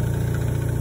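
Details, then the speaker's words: D&C suction machine switched on in a setup demo, vacuum usually set at about 15: steady low motor hum and vibration. "they will give you the this end of the tubing to stick in here and then once you get that hooked up you will this is how you turn it on you just pull up it'll turn the vacuum on"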